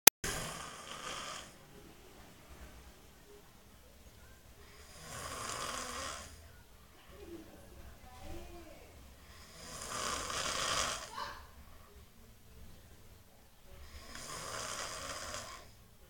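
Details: Person snoring in sleep: hissing, rattling breaths about every 4–5 seconds, roughly 13 a minute, with quiet exhalations between; snoring.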